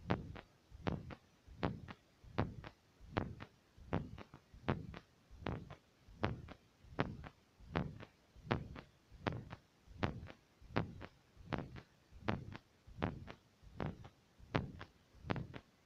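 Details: Heartbeat by stethoscope, labeled fast: regular paired heart sounds at about 80 beats a minute.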